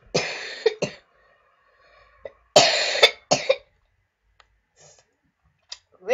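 Two harsh, drawn-out coughing bouts, each a long rasping burst followed by shorter ones, with quiet gaps between.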